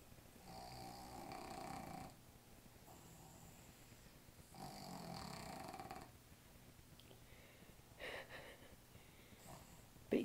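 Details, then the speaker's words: Sleeping dog giving slow, rattling snores on each breath in a quiet room; it snores while being petted. "nobody's gonna believe that that's the dog snoring and not you. Huh? That's funny."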